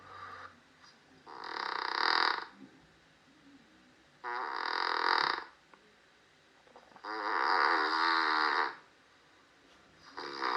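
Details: Three long, rough, buzzing breath sounds separated by quiet pauses; an adult's overnight snoring recorded while asleep.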